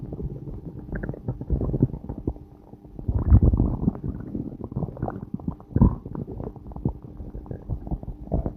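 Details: Stomach growling: bowel sounds (borborygmi).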